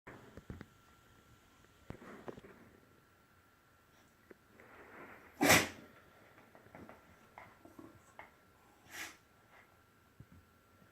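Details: Pet animal sneezing on another animal: one sharp, explosive burst of air in a quiet room, with a softer second burst a few seconds later; sneezing.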